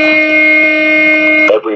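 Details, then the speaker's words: Training AED demonstration during CPR instruction: after analyzing rhythm, shock advised and charging, everyone told to stand clear; steady high electronic charging tone cutting off abruptly before shock delivered. "I tell you advised charging everyone stand clear"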